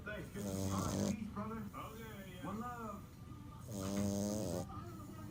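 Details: Sleeping merle French Bulldog puppy snoring: loud, rattling snores with squeaky, whimpering noises between breaths; snoring.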